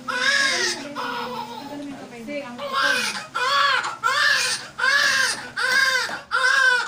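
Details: Loud, rhythmic, repeated rising-falling wails from a newborn just after a fast, easy normal vaginal delivery (mother already 9 cm dilated): a strong normal cry.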